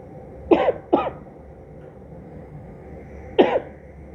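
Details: Father coughing: three short, dry cough bursts, two close together and one a few seconds later, over low room hum.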